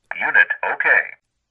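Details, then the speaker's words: ZOLL AED Plus defibrillator recorded voice prompt after a manual self-test (started by holding the on/off button about five seconds, taking about 15 seconds), announcing the unit passed the self-test and is ready for use. "indicates your AE d plus passed the self-test initiate this test whenever you wish by merely holding down the on/off button for about five seconds"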